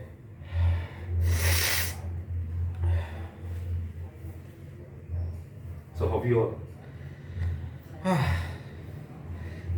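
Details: Several forceful nasal snorts and gasping breaths over a low room hum during a chiropractic cranial facial release procedure; afterwards the patient reports complete clearance inside the nostrils.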